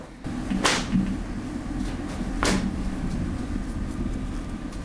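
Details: Two sharp cracks over a low rumbling background, joint cavitation during a chiropractic back adjustment.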